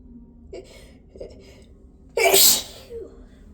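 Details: Sneeze induced by tickling the nose: a couple of soft catching inhalations build to one forceful sneeze.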